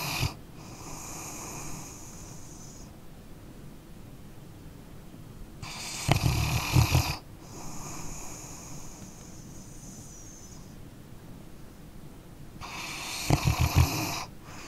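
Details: Sleeping dog snoring: loud, low rattling snorts alternating with softer hissing breaths, about nine breath cycles a minute; ordinary snoring.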